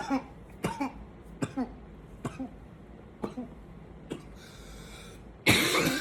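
Repeated harsh coughs, about six in a few seconds, with a brief groan between bursts; fits of coughing that sound tiring.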